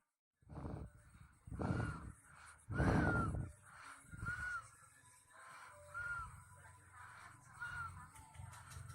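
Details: Infant snoring while asleep, tired after a full day of play; rough, noisy breaths recur every second or two, some ending in brief squeaky whistles.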